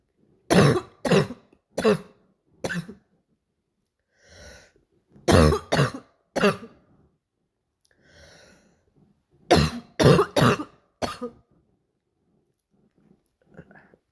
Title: barking cough 2